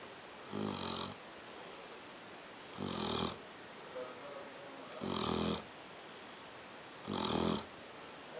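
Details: Regular fluttering snores, about 30 a minute, with quiet pauses between them, from a sleeping dog: snoring.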